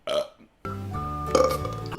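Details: A short burp, then a long, loud, drawn-out belch with a rumbling voiced tone, from a burp compilation of one person. Ordinary belching.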